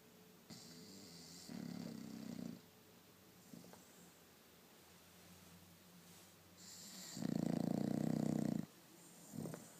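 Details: Bulldog asleep in a quiet room: rough, low snoring breaths, one much louder, about five to six seconds apart; snoring.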